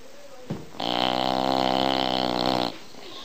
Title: Bull dog snoring SOOO Funny Not fake